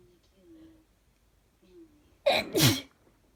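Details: Sneezing with a cold caught from another person, sneezing all day: two catching breaths, then one loud, wet, double-burst sneeze.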